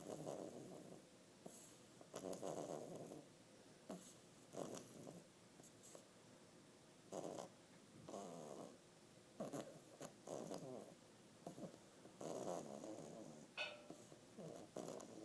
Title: Baby Snore